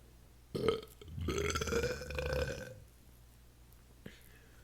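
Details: Two belches, a short one then a long, drawn-out rumbling burp, in a quiet room.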